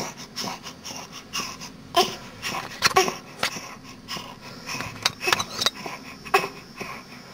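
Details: An animal's morning wheeze, with repeated high-pitched squeaky breathing sounds with sharp peaks in a small room: wheeze.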